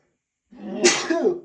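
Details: An adult male gives a single forceful, partly muffled sneeze with a brief voiced build-up while trying to stifle it by pinching his nose during a strong sneezing fit.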